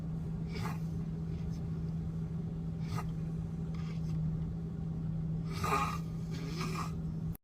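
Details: Snoring from the back seat of a moving car: irregular noisy snorting breaths, about five in seven seconds, over steady engine hum.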